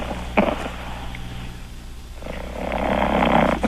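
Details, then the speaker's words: Rough, rumbling snoring building in loudness from a sleeping 5-month-old English bulldog puppy with tongue out, heard over a humming phone line; owner rubs him to increase the noise; snoring. "can you hear him yeah just keep the phone down there for a long time so we can okay okay dig the snoring if I if I rub him he'll he'll really make more noise"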